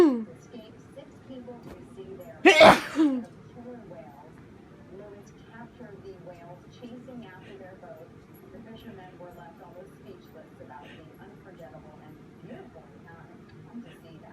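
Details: Person on the worst day of a cold sneezing into a handkerchief, some sneezes uncovered: a single loud sneeze followed by quieter sniffing and breathy noises over faint background talk; sneeze.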